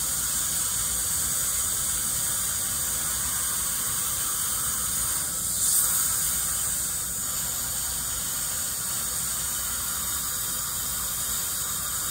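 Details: Dental hygienist's routine teeth cleaning of a dentist, ASMR recording: steady high hiss of water spray with a thin whine from a dental scaler running throughout.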